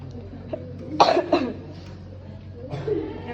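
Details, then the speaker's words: Staged productive cough in a chest physiotherapy and postural drainage demonstration: after a deep breath held 3 seconds, two quick acted coughs on open-mouth exhalation, then a softer throat-clearing effort to bring up sputum, in a quiet room. "Minta klien untuk menghembuskan nafas dengan buka mulut sambil dibatukkan."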